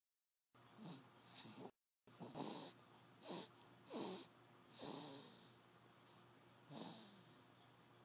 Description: Bailey snoring after a long day.